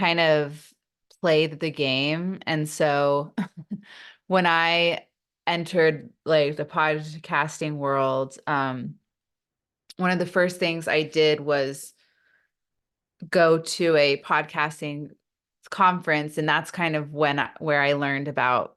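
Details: Adult woman with a stutter that she says is not the typical consonant-repetition form and is often misunderstood; she reports that stress amplifies it; real speech in a podcast interview; stuttering.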